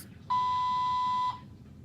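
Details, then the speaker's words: Single steady mid-pitched one-second beep of a malfunctioning IV infusion pump alarm, repeatedly going off, in a new mother's hospital room after an emergency c-section; she must call the nurse. "so yep it's still going off and I just have to call for the nurse"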